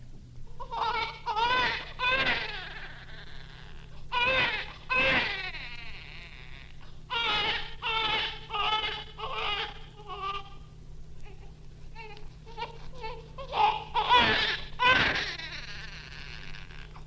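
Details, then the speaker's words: Normal full-term newborn (birth weight 5 kilos), recorded a few minutes after birth: strong, lusty, loud clear-pitched crying in repeated bursts with brief breaths between; a vigorous healthy neonatal cry. "the first sound is the strong Lusty Cry of a full-term normal neonate birth weight 5 kilos the recording was made a few minutes after"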